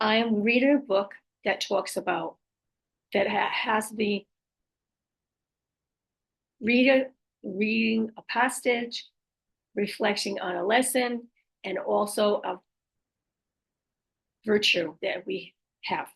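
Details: Adult female stroke survivor with post-stroke aphasia, apraxia of speech and dysarthria, says her speech can be hard to understand; aphasia with apraxia of speech and dysarthria.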